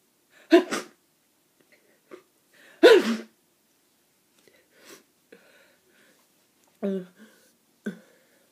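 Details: Several sneezes muffled into a tissue, with sniffs and breaths between, from someone with a cold who feels snotty and sneezy; sneezing with a cold.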